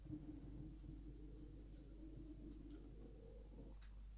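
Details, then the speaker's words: Ordinary stomach rumbling (borborygmi) from an adult speaker: a low, gurgling, drawn-out bubbling rumble likened to a drain emptying. "was my stomach did you hear that like a drain empty in"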